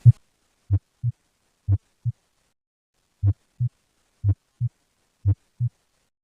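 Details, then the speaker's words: Dextrocardia, apex on the right, so heart sounds are much quieter on the left and best heard over the right chest: clear lub-dub pairs, about 60 a minute. "na décadastrocardia o ápice está situado no lado direito assim a intensidade do som do coração será acentuadamente reduzida no lado esquerdo os sons cardíacos serão ouvidos melhor no lado direito do peito"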